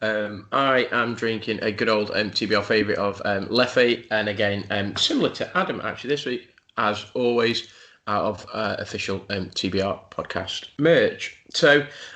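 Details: Adult male speaker; normal voice.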